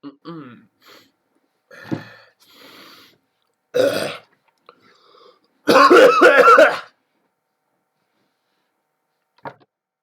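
An adult gives a few rough, throaty coughs, including one loud rattling bout, while mildly unwell.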